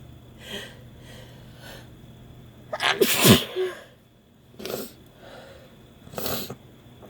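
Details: Woman sneezing after first use of chhinkni sneezing powder: one loud, forceful sneeze with a sharp burst of air, surrounded by quieter breaths and sniffs.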